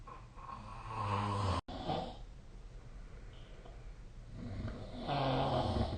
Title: 🐽 いびきの音 / Snoring Sleep Sound 2025/05/27